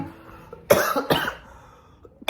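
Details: Two sharp, explosive cough bursts in quick succession, with a third starting at the very end.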